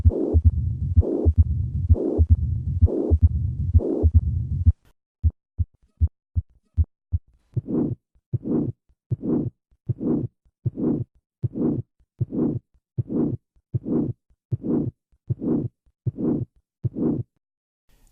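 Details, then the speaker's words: Harsh, diamond-shaped crescendo-decrescendo systolic ejection murmur peaking late in systole, from a heart-sound teaching recording: aortic stenosis murmur. "the murmur of aortic stenosis will on occasion be audible at the cardiac apex with a change in pitch the gala Vardhan phenomenon despite this increase in pitch this murmur retains his characteristic diamond shape"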